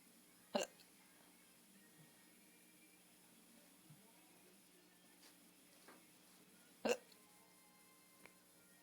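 Two sharp, abrupt hiccup sounds about six seconds apart against quiet room noise; the person is intoxicated.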